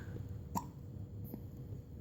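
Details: Baby boy with hiccups in the morning while playing in a toy car: a single short, abrupt hiccup with a fainter second one over steady room noise.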